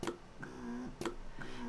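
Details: Lansinoh SmartPump 3.0 electric breast pump running on a medium, more drawn-out cycle setting during a demonstration: a rhythmic click and drawn-out motor hum about once a second.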